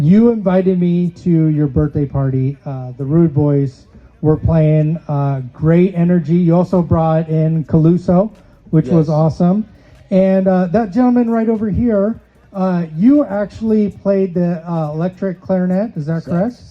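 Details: Adult male speaker; normal voice.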